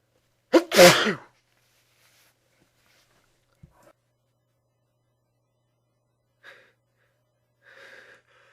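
One forceful sneeze with a sharp intake and explosive burst, followed by faint quiet sounds; an ordinary sneeze.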